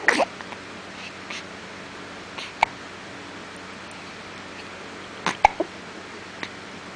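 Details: Brief, sharp little catches from a 5-day-old newborn boy, about five in seven seconds, with quiet room noise between: ordinary, harmless infant hiccups.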